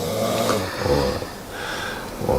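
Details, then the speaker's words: Man snoring loudly in his sleep around 2:30 am, keeping roommate awake: low, rough, rattling breathing noise in a small room, rising and falling with each breath. "根本无法入睡。为什么呢？因为对面有个在打呼的人，对吗？"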